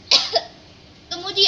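Two short, breathy acted coughs; a demonstration cough, not a real one.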